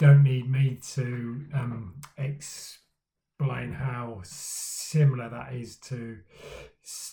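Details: Male speaker who stammers, talking about his own stammering journey; stuttering (stammering).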